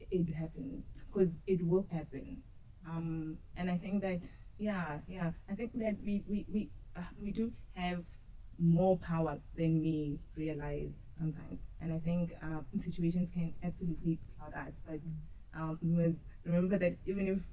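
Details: Woman who states she stutters and has struggled with it since her school years; stuttering.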